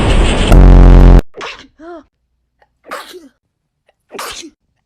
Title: Some of these sneezes are basically sound effects 💀🔊 #tsncore #fyp #foryou #viral #sneezing #funny